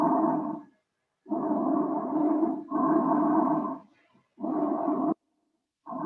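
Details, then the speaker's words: Normal bronchial breath sound heard with a stethoscope over the trachea: loud, harsh, deep, hollow breath sounds with gaps between phases, produced by air passing through the trachea. "muy bien este sonido es el sonido bronquial es producido por el paso del aire a través de la tráquea como pudieron escuchar es un sonido profundo fuerte"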